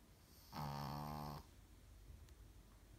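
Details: A single drawn-out, buzzing snore lasting about a second, then quiet, from a sleeping female Brussels Griffon dog; snoring.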